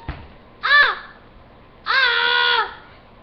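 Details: Infant crying: two short, high-pitched, clear tonal cry bursts, each dropping in pitch at the end.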